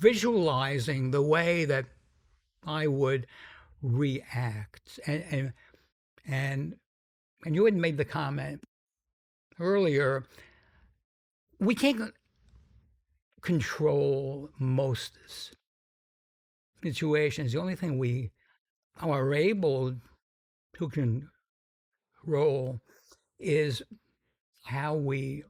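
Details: Adult man with a sometimes noticeable stuttering that he says varies in severity; described by the host as a pretty strong stutter; stuttering.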